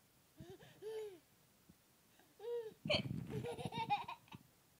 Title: Silly baby laughing at Mommy's hiccups